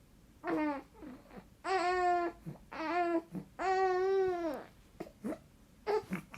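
Short voiced fussing cries from an infant, broken by brief pauses and small breaths. An ordinary infant cry.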